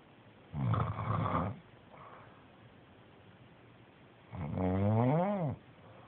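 Two rattling, buzzing breaths with a long quiet pause between them, the second rising and falling in pitch; snoring.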